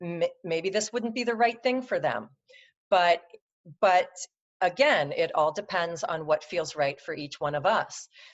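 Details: Adult woman who stutters; she says her stutter comes and goes, with good and bad speech days; stuttering.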